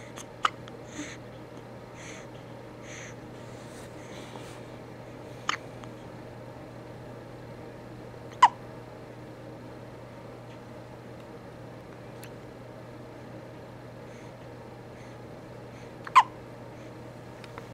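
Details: Four sharp, brief hiccup sounds, irregularly spaced over about 18 seconds, against steady room hum; hiccups.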